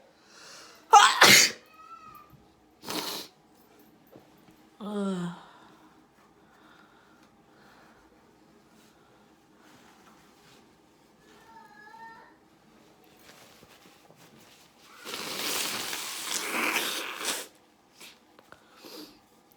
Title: natural sneeze yo